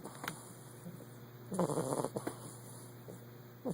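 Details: 8-week-old Olde English Bulldog puppy snoring during its first nap.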